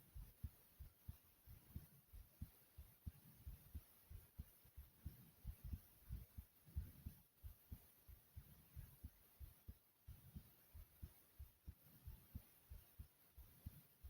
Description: My heart was racing and my breathing was heavy as well after jumping jacks.